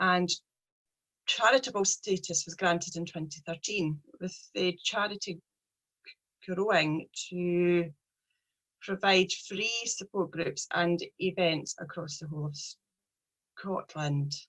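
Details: Stuttering (stammering) in a 43-year-old woman, a speech problem present since age three, with her speech journey beginning in 2018; a person who stammers.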